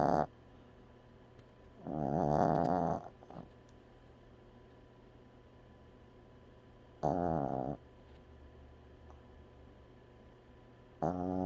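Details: Dog: three loud, rattling, voiced snores at irregular intervals with quiet pauses, over steady low room hum; snoring.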